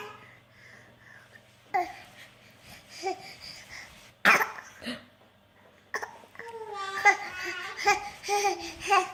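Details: Infant's playful voluntary fake cough: a few small deliberate cough sounds mixed with babbling and laughter, imitation rather than illness.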